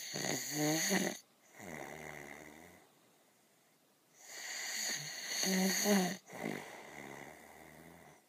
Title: Snoring Bear on the Woods - Chilliwack Lake